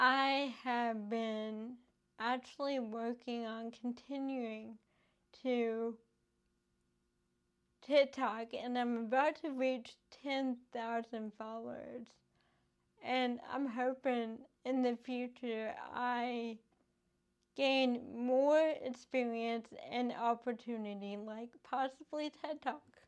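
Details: Adult woman with cerebral palsy affecting her speech; finding: dysarthria in cerebral palsy.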